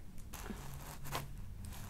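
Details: College student with right shoulder and neck pain from sitting hunched while studying, during a chiropractic spinal adjustment, apparently the mid-neck: brief crunching crack, joint cavitation.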